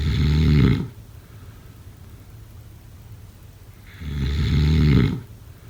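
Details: Two loud, low rumbling snores about four seconds apart, each on an in-breath, with quiet breathing between them; sleep snoring.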